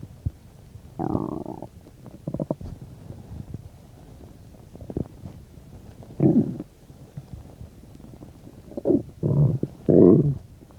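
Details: Bowel sounds while digesting a bean and cheese burrito, about 10-15 minutes after eating: several gurgling, growling bursts separated by quiet stretches, normal stomach growling.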